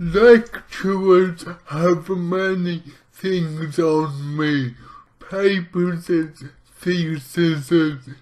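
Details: Adult man with lifelong athetoid cerebral palsy affecting nearly his entire body; dysarthria.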